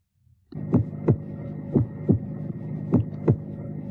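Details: Three clear lub-dub pairs over a steady low hum, about 55 per minute, used to teach the cardiac cycle: normal first (AV valve closure) and second (semilunar valve closure) heart sounds.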